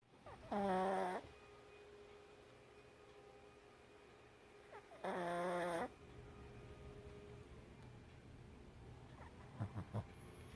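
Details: Snoring: two nasal, whistling-tinged snores about four seconds apart, with quiet breathing between.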